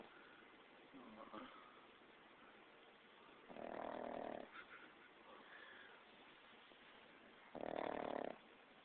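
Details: Pug puppy snoring away while asleep: snoring.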